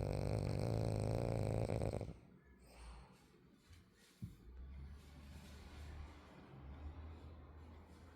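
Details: French bulldog snoring in sleep: loud buzzing snore, then quieter low snuffling nasal breaths.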